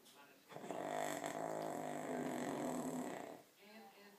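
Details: A father, very tired after a long workday, asleep in a chair: a single long, loud, rattling snore of about three seconds, with quiet breathing before and after; snoring.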